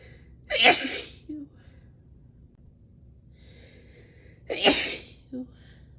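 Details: Woman sneezing from pollen sensitivity despite allergy medicine: two loud, explosive sneezes, each preceded by a short breath in, with a quiet room between them.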